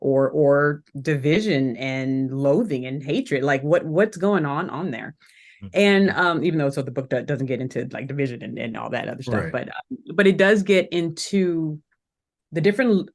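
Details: Adult woman who still stutters today, speaking in a podcast interview; stuttering.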